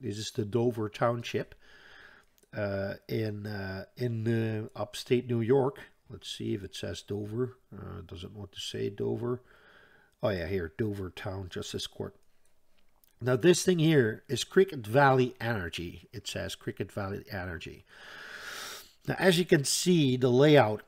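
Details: Stuttering in an adult Dutch man who reports a stutter that is audible all the time, a type in which he always hangs up between his words.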